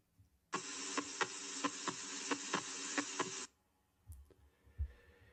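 Crisp paired heart sounds at about 88 beats a minute over steady hiss; the second sound is widely and fixedly split.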